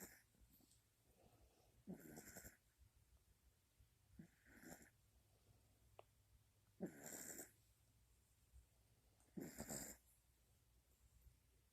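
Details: Soft, spaced snorting snores, about 4 in 12 seconds, in a quiet room, from young Charlie (female), newly acquired and said to snore a lot then; light snoring.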